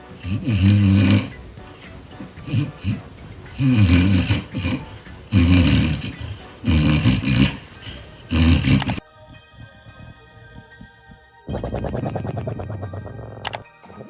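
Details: A dog snoring: loud, rattling snorts repeat about every one and a half seconds, then background music; snoring.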